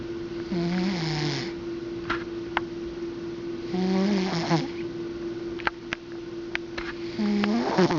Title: Snoring Cat